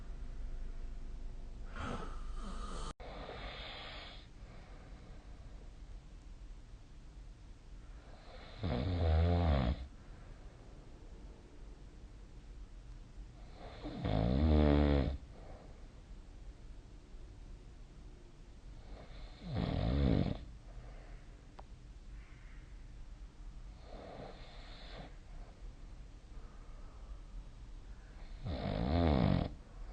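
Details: Snoring recorded during sleep with a snore-tracking phone app: loud, rattling snores recur about every five to six seconds against quiet room noise. Snoring.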